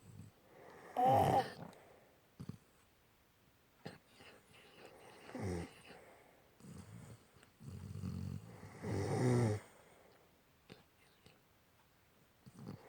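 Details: Dog and owner snoring together during sleep: several loud, rough snores with quiet pauses between breaths in a quiet room.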